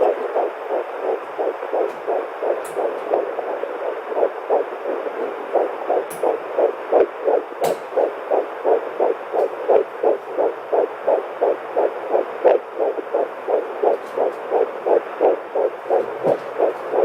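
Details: Fetal heartbeat at 9 weeks of pregnancy on a home handheld Doppler: rapid, regular whooshing pulses at about 170 per minute with faint room noise, high but normal for this stage.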